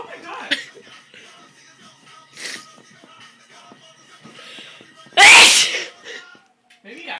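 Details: Soft background talk and music, then one sudden, loud, explosive sneeze, one of repeated uncontrollable sneezing; sneezing.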